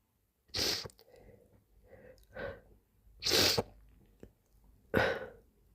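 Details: Three loud, wet, slimy sneezes with sharp bursts of air, soft breaths and moans between them: sneezing.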